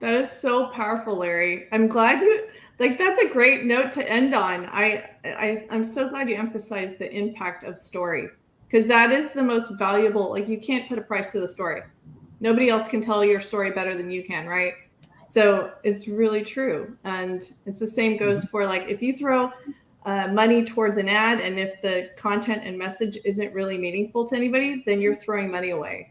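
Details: Adult woman; normal speech.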